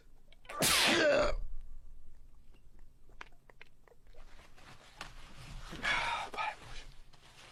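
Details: Streamer sneezing: one loud, wet sneeze burst, then quiet room noise and a softer breathy sound.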